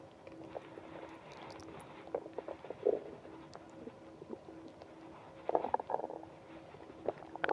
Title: Bad morning from hunger to stomach ache (stomach growling)